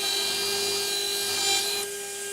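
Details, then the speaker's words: Dental implant drill's steady high-pitched whine with grinding as the 1.6 mm drill cuts an osteotomy in a foam model jaw, during a demonstration of placing Zest SATURNO narrow-diameter implants in the anterior mandible. "the 1.6 millimeter drill at osteotomy"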